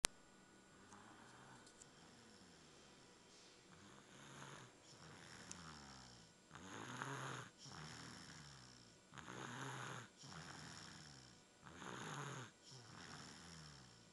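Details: Someone stuffy snoring: soft, steady rhythmic snores at about 24 breaths a minute with a gentle fluttering rasp, quiet room.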